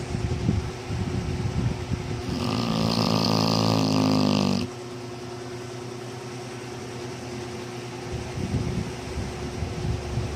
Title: Dog snoring for 1 minute and 41 seconds